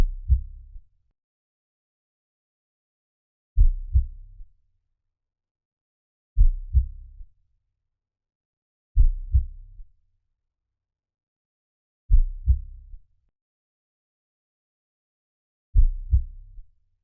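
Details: Calming heartbeat sounds: deep, muffled lub-dub pairs recurring steadily in silence, slow and regular; normal heartbeat.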